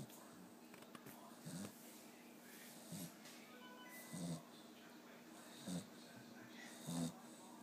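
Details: Boxer dog asleep on a couch gives soft, low, rough snoring bursts that recur irregularly over steady room noise with faint background sounds; dog snoring.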